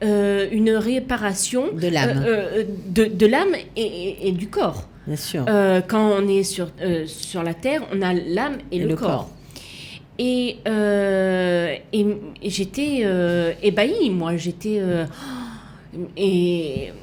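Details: Aphasia in a woman, persisting after an accident with cardiac arrest requiring defibrillation and coma, with right-sided hemiplegia; for years she could not place her tongue correctly, and she spent 7 years relearning to walk and speak.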